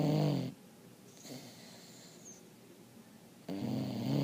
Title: snoring loud !